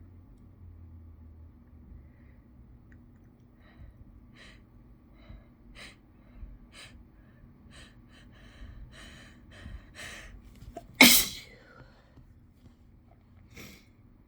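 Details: Quiet sniffing breaths build up to one sharp, loud, explosive self-induced sneeze near the end: a single sneeze.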